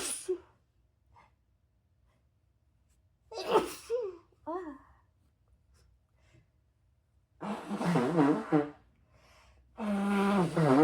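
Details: Adult's sneezing fit: sharp, explosive sneezes with voiced build-up; lingering congestion and tickle afterwards, possibly from dust, weather or a cold coming on.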